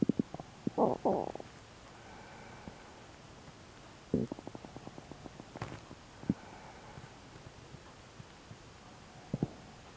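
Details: Bursts of gurgling and rapid popping clicks from the abdomen with quiet gaps between them, in a recording labelled as stomach ulcer sounds: active bowel sounds, or borborygmi.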